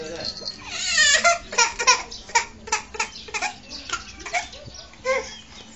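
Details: Infant crying: a brief high-pitched wail followed by short, choppy vocal bursts, typical ordinary baby crying.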